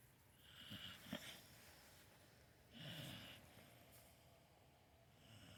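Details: Sleeping puppy snoring in owner's bed: soft, wheezy snoring breaths with small snorts, repeating slowly over a hissy background.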